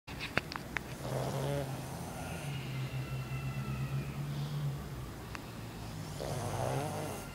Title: Pug Snoring.mp4